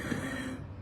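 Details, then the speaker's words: Wheezing in an ill adult who cannot lie down because it worsens: brief breath carrying a steady low musical whistle from her lungs. "That's my lungs. So, it's like you can't lay down because the wheezing gets really bad and you just can't sleep anyways cuz you're so uncomfortable."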